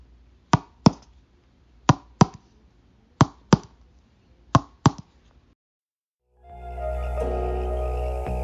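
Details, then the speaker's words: Normal resonant percussion note during a nursing thorax assessment: paired finger taps on the chest give a hollow, low resonant note over air-filled lung. "when you perform the precaution on a patient the normal sound is called resonance and is something like this"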